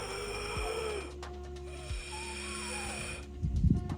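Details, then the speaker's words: Imitated labored breathing of a combat casualty with chest trauma and suspected pneumothorax: a few low, snoring grunts and a louder gasping snort, described as indicating pneumothorax. "So how will we know if the casualty has a pneumothorax? If the casualty is struggling to breathe if their chest movements are irregular and if they are making"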